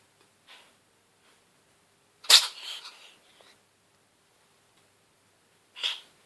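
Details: Cat sneezing constantly during a cold lasting a few days (later recovered): two sharp, hissing sneezes with faint snuffles before and after.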